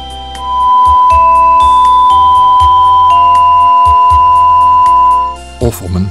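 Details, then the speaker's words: Simulated tinnitus: a steady high-pitched beep over background music, imitating the ringing or hissing sound heard in one or both ears that others cannot hear. "het Nederlandse woord voor tinitus is oorsuizen iemand met tinitus hoort bijvoorbeeld de hele dag een suis geluid"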